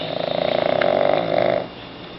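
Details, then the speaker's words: 3-year-old pug asleep on his back on his owner's chest; a rattling, fluttering breath builds over about a second and a half, then fades to quiet room noise. It is unclear whether the pug or the sleeping man is snoring. "Can't tell who's snoring, the man or the pug dog. You cannot tell, man or pug dog."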